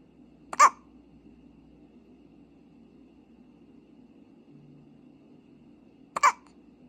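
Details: Baby with ordinary infant hiccups: two abrupt, brief hiccup sounds about six seconds apart over a steady low room hum.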